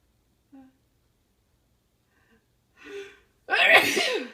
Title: more big sneezes!